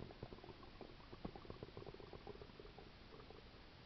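Continuous bubbling, gurgling rumbles with frequent small pops: active stomach and bowel sounds, attributed to a stomach ulcer.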